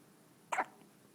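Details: Newborn baby boy on his first day of life hiccupping: one short, abrupt hiccup sound in a quiet room.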